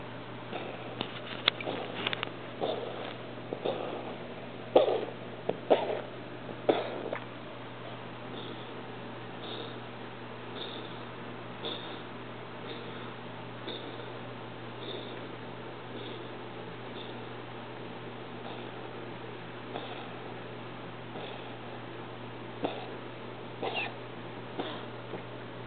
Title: Cat Cough